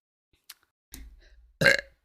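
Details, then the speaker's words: Woman livestreamer burping while eating: two short belches, the second louder and wetter (she calls it a very wet one), with faint clicks before them, each followed by excuse me. "excuse me excuse me that was a very wet one"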